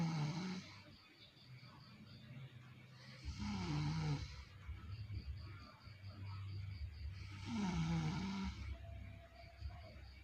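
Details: A mother is heard snoring, with rough, rattling snores on the in-breath, about 16 breaths a minute, and a faint background hum; snoring.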